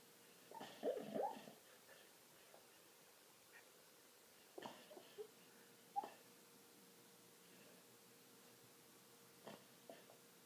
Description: My dog always does this funny-weird bubbling sound when she is in deep sleep, wonder does anyone have dog snores like her?